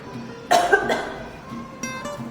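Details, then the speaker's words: Educator demonstrating two short voluntary coughs for children, over soft background music; demonstrated cough. "If you have a tissue paper nearby, you can also cough or sneeze on the tissue and throw it away in the nearest bin."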